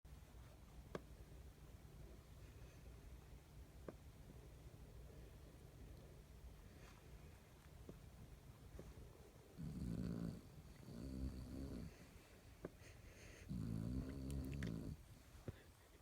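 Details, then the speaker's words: Snoring: low background hum, then three rough, rumbling snore breaths in the second half, a few seconds apart. "Oh my gosh. You're snoring, honey. Yeah."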